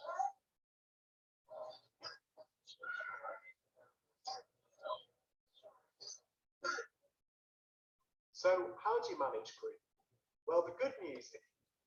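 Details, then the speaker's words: Child with croup: harsh, seal-like barking coughs with noisy high-pitched inspiratory stridor and wheeze when breathing in while trying to cough. "so you can hear that barking kind of strider that wheezing when they suck in from when they're trying to cough"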